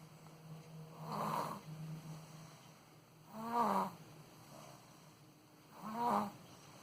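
Soft, regular snoring on each breath in, about 25 breaths a minute, with a low rumbling quality.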